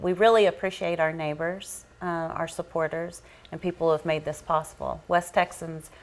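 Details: Adult woman speaking; Normal speech.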